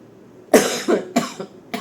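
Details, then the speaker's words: Adult with a persistent cough that won't heal, which the speaker suspects may be a "100-day cough": a rapid run of about five harsh coughs in quick succession, interrupting speech. "mohon maaf ya suara saya begini Lagi batuk enggak sembuh-sembuh mungkin batuk 100 hari"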